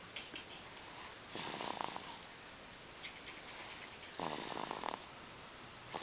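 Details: Two soft, rattling, fluttery breath sounds about three seconds apart over faint room hiss, a small sleeping animal snoring.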